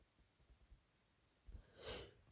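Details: Person with a cold and sore throat after working a week at summer camp, sneezing: a few soft breaths, then a single muffled, breathy sneeze near the end.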